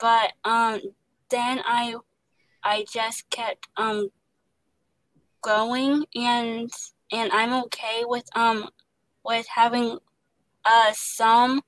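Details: Young woman who stutters, working as an actress voicing the lead character in an animated series; genuine stuttering.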